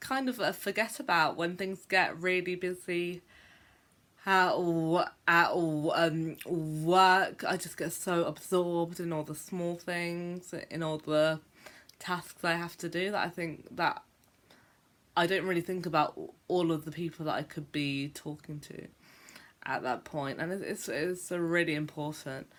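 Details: Adult woman who stammers, speaking in a vlog about life as a stammerer; stuttering.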